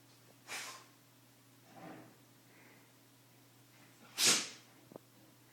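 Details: Shiba dog with allergies sneezing: two sharp, hissing sneezes with a softer snort between them, in a quiet room with faint background hum.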